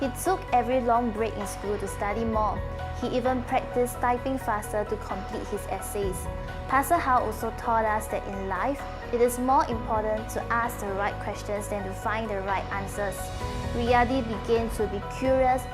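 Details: Adult female narrator over background music; normal speech.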